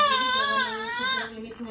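A strong, clear, high-pitched cry from a newborn just after birth, the vigorous cry expected after a normal delivery.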